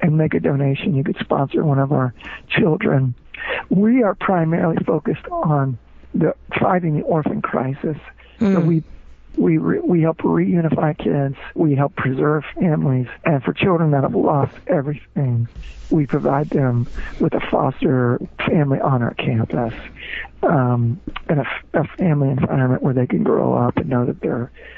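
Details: Spasmodic dysphonia, involuntary spasms of the muscles around the larynx, in an adult man, a former rock band lead singer, diagnosed with the condition, which left him unable to sing.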